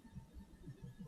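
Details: Normal heart sounds at the left lower sternal border with the patient lying down during a cardiac exam: soft, low paired thuds of the first and second heart sounds over a faint hum.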